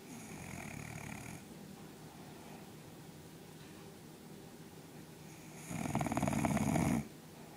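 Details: Lazy bulldog: two rough, snorting snores over steady background hiss, the second louder; snoring.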